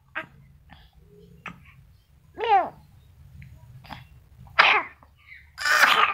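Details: Several short, wet coughs with fussing sounds between them from a 2-month-old baby; a phlegmy, productive cough.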